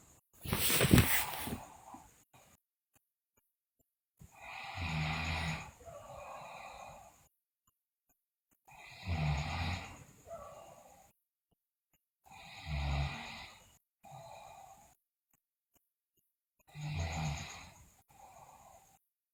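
Loud, somewhat irregular snores with a whistling edge, about 14 a minute, each followed by a softer breath out; snoring during sleep.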